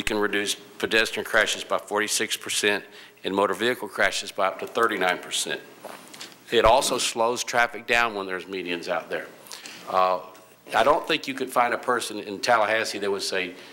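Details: Adult man speaking; normal speech.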